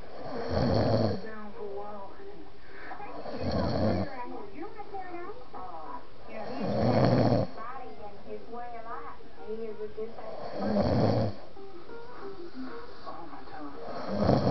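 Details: Loud, deep, rumbling snores on each in-breath (about 15 a minute), with quieter breathing and faint background sounds between them; an epic episode of heavy snoring.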